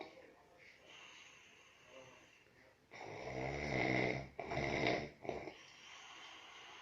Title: Snoring Man